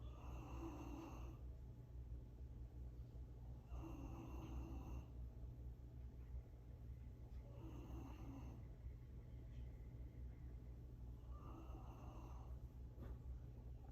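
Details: Dog snoring: soft, regular snoring, about four breaths heard against a steady low outdoor rumble.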